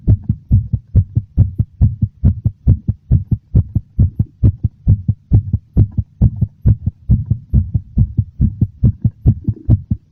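Loud, regular low thumps at a quick pace, roughly 68 double beats a minute; a strong, slightly fast heartbeat.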